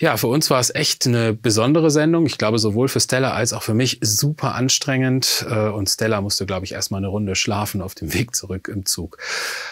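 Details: Adult male speaker; normal adult speech.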